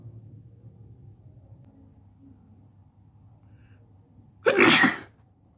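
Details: Person sitting on a bed, nose tickling: quiet room, then a single loud, sharp burst of expelled air; one sneeze.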